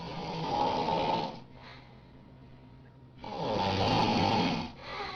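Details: Loud, rough snoring on two breaths with a quiet pause between, in a small room; very loud snoring keeping a friend awake.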